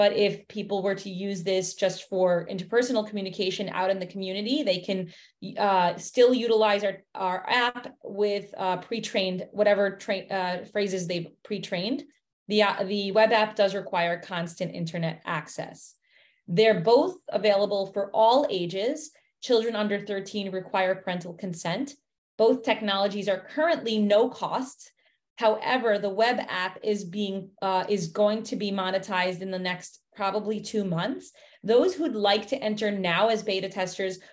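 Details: Adult woman speaking; normal speech.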